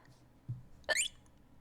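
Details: Squeaky hiccups: a single short, high-pitched, squeaky hiccup in a quiet room.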